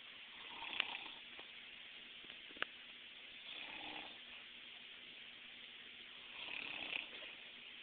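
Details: Grandmother (meemaw) snoring in her sleep: three soft, airy breaths with faint fluttering over about eight seconds, steady background hiss; snoring.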